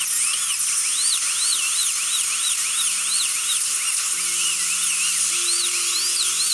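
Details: Wisdom tooth extraction for infected left third molars: high steady dental drill whine with wavering pitch while cutting to split the tooth in two for removal.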